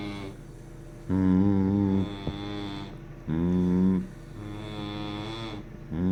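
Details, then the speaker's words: Adult man sleeping, snoring heavily: loud, deep, droning snores on each breath, about three breaths in six seconds, with a quieter hum between them. "Shit sound like Bambi got caught in a fence. Motherfucking. You backed your truck up into a fucking ditch and shit and hit an elephant."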